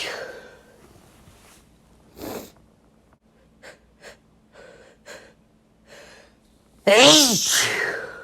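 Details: Faint breaths and small sounds, then one loud, wet, explosive sneeze with a voiced burst at the end, from a male.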